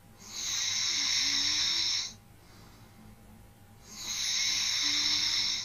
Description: RELAX AND FALL ASLEEP TO THE SOUND OF SNORING.